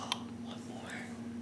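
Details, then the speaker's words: A single tiny, sharp sneeze from a healthy newborn girl under one day old, over a steady low room hum; a normal newborn sneeze. "bless you I'm so glad I just got that I know now she's like okay sneeze life is good"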